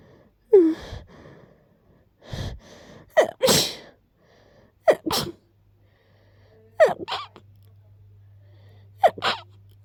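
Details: Person currently sick with a cold and very stuffy; repeated sharp sneezes, each preceded by a quick inward catch of breath, with congested quality.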